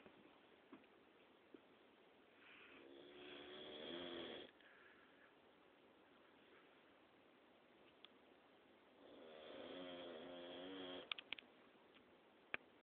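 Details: A dog snoring at night: two long, rattling snores about six seconds apart with quiet breathing between, about ten breaths a minute; ordinary snoring in sleep.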